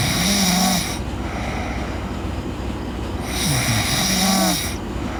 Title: Girl Sleep Snoring